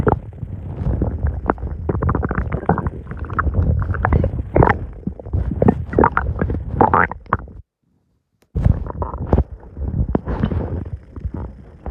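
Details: Loud, continuous gurgling and rumbling bowel sounds from an adult abdomen after eating too much, with a brief silent gap; borborygmi.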